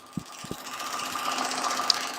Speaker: so I'm going to use a fairly high frequency right here it's about 16 shots per second and we're going to be using this with a moving head over about 1,000 shocks up and down the Achilles tendon